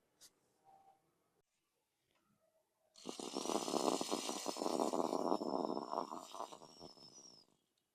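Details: Inhalation through a Rotahaler dry powder inhaler with Rotacap capsule, after full exhalation, for asthma/COPD; strong sustained breath in with fast rattling buzz of the spinning capsule, correct technique.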